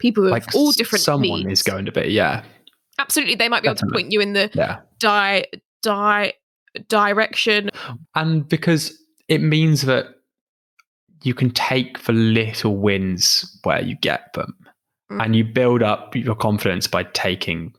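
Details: Adult female who stammers; stammering.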